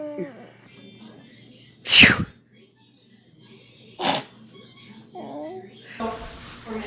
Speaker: Ay, ay, ay, esos estornudos. God bless you.